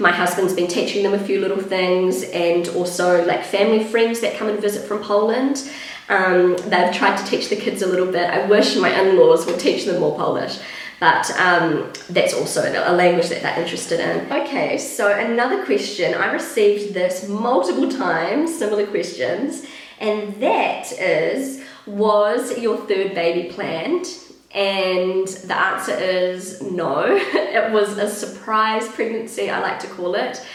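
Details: Pregnant woman with a habitually croaky, crackly voice that she says worsens markedly during pregnancy, attributing it to the pregnancy; also slightly out of breath; vocal fry (creaky voice).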